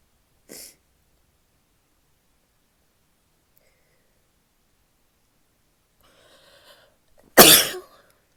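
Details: Female sneezing, in a recording that also has coughs and nose blowing toward the end: a faint short burst, a long quiet stretch, breathy sounds, then one loud explosive sneeze.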